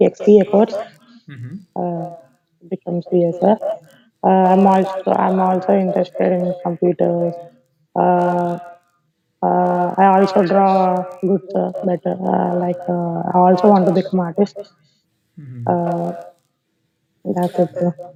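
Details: 16-year-old male before treatment, voice described as feminine and high-pitched from keeping the childhood voice after puberty; puberphonia.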